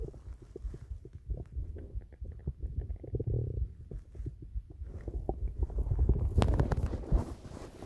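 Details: Irregular low gurgles and rumbles from the stomach, typical ordinary bowel sounds; stomach rumbling from an older recording.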